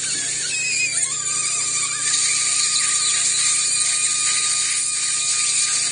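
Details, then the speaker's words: Sedated patient, dental surgery beside a second molar with conical, vertical, non-dilacerated roots on x-ray: continuous high-pitched dental drill whine with grinding edge as the bur cuts bone parallel to the root. "So what I'm going to do, I look at the x-ray, right, and I see that the second molar roots are not dilacerated. In other words, they're kind of conical, right, and they're going vertical, so I'm going to try to parallel that root with my burr here."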